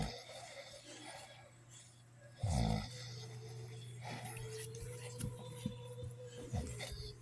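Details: Father snoring loudly: one loud, low, rattling snore against a steady background hum, with quiet breathing and small noises before and after.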